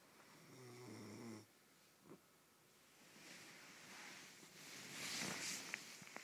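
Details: Goat snoring: one short, rough snoring breath, followed by hissy, noisy breathing and rustling; snoring.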